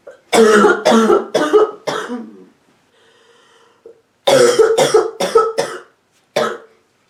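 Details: A sick adult woman gives two rapid runs of harsh, deep coughs, four then five, with a short gap and one last cough; barking, hacking cough.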